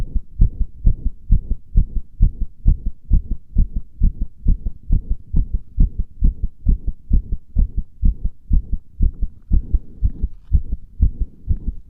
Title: 圧迫心音💓(compression heart sounds)